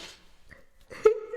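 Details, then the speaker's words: Single abrupt, voiced gulp-like hiccup heard while singing along to a song, between quiet breaths; the hiccup made spit fly into the eye. "No, because like I hiccup it, did it? I hiccup again, and then"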